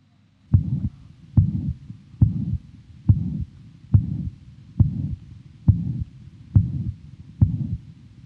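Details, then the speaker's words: Young man with mitral regurgitation due to mitral valve prolapse, auscultated at the apex: regular rhythm near 70 a minute with a nearly holosystolic pansystolic murmur and a small gap after S1. It radiates toward the axilla. "there's an easily heard um mitro pan systolic murma which is nearly holos systolic I it nearly goes right through assistly but there is a small gap between the first heart sound and the onset of the murmur"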